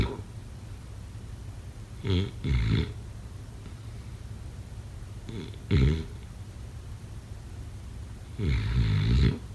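Deep, rough snoring bursts on inhalation, roughly three breaths heard over ten seconds, against a quiet room; ordinary sleep snoring.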